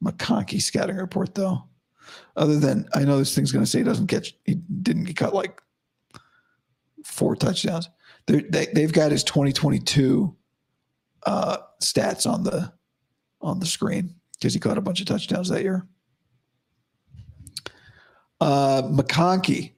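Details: Adult man about five to five and a half weeks after vocal cord surgery, improving daily but unchanged today after heavy voice use and no sleep: dysphonia after vocal cord surgery.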